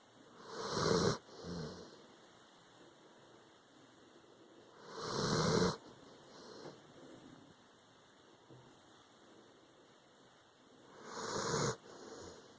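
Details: Dog snoring, tired after an anxious day during a hurricane: three loud snoring breaths in about twelve seconds, roughly 13 a minute, each followed by a softer exhalation, over a steady background hum.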